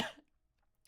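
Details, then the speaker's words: A single short, loud cough burst that fades quickly; the streamer calls it a deep smoker's cough from feeling something stuck in the throat, though not a smoker. "I just had a smoker cough. Did you guys hear that? I felt something stuck in my throat. I had a deep ass smoker cough."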